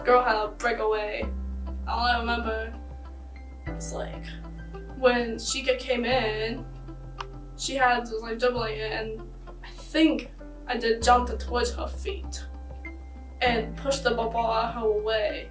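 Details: High school female soccer player, recorded before starting care, who developed a stutter and speech impediment plus vertigo and impaired straight-line walking after a concussion from being kicked in the head; acquired post-concussion stuttering.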